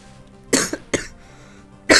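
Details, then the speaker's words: Three sharp coughs from an adult man who has had a cough for about a week, with his voice cutting in and out, over faint game music. "And you can hear the cough I've been dealing with for, like, the week. And how, like, voice is going in and out."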